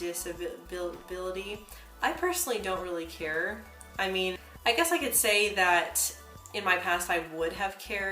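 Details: Woman who identifies herself as a person who stutters. Stuttering.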